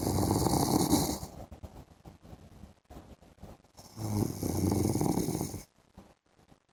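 Two loud, rough vibrating snores separated by quiet breathing gaps; heavy snoring during sleep.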